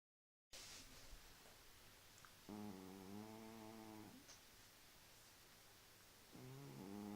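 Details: Cat snoring late at night: two soft, buzzing, tonal snores on the breath, separated by a quiet pause, over steady room hiss.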